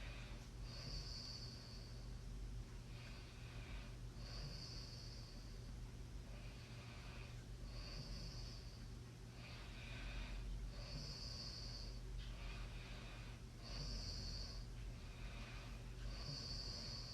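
Quiet, repeated breathy snorts and soft snoring about every three seconds under a steady background hum. Snoring during sleep.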